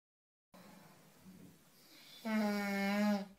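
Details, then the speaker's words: One snoring breath: a quiet rough breath builds into a loud, steady buzzing snore lasting about a second, then fades; snoring averages around 70 dB, reduced 15 dB at 20 cm by a nose-worn active noise-cancelling device. "average snoring is around 70 DB our device can reduce it by 15 Debs from 20 cm away"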